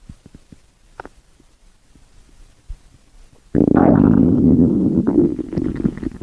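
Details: Stomach growling: soft clicks and gurgles, then a loud, prolonged bubbling rumble as gas and fluid move through the gut.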